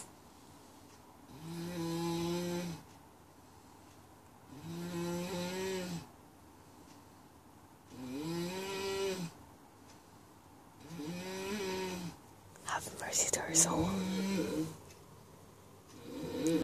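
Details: 36-year-old woman weighing 75 kg, asleep at 2 a.m., heard from about 2 metres: loud, droning, tonal inspiratory snores about every three seconds, with a snort near the end; heavy snoring.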